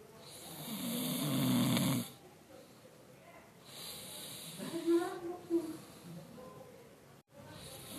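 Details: Sleeping child snoring: a rough snore on an in-breath, then softer noisy breathing with a faint second snore over background room noise.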